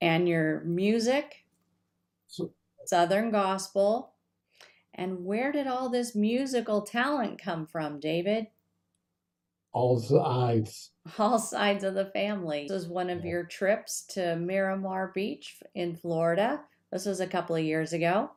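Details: Adult woman interviewer with a brief reply from an adult man; ordinary conversational speech.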